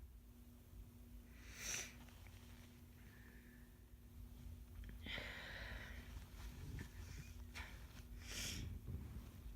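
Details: Person with a head cold sneezing: two sharp, wet sneezes with sniffling between them in a quiet room.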